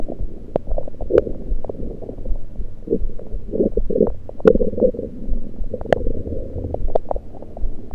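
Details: Continuous low rumbling with frequent gurgles and short pops over the stomach, recorded with a USB electronic stethoscope; only liquids taken at the time, cause unknown to the recorder: active bowel sounds.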